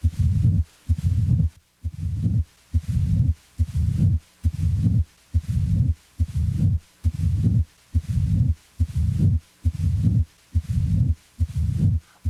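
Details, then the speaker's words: Mid-diastolic murmur, as in mitral stenosis, starting a short time after S2 and fading away. "a mid diastolic murmur as in mitral stenosis starts a short time after s2 it may fade away as heard here"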